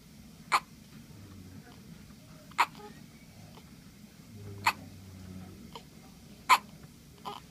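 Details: Hiccups: four sharp, brief hiccups about two seconds apart, near 29 a minute, over quiet room noise.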